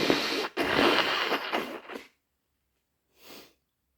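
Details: Induced wet hay-fever sneeze: loud, wet, explosive, with a sharp intake and spray-like release, then a softer sniff after a pause.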